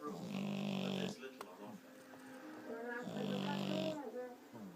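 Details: 11-week-old French bulldog puppy snoring in sleep: two drawn-out, buzzing, somewhat high-pitched snores about three seconds apart.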